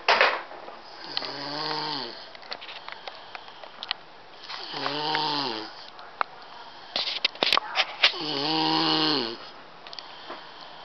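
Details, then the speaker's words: Snoring from the uploader's nephew, asleep in his bed at home; three buzzing, tonal snores about 15 a minute, likened to sawing wood, with faint room clicks between, from upper airway vibration during sleep. "it sounds like you see sawing wood ladies and gentlemen"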